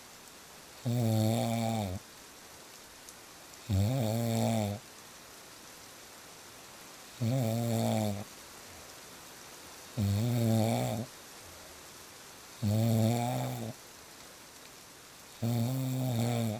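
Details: Loud, regular rough snores on each in-breath, about six in sixteen seconds, over steady rain noise, presented as real snoring sounds for sleep; ordinary snoring.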